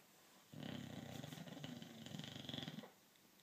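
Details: Snoring from a resting pet: one long, rough, rattling sleep breath lasting about two seconds.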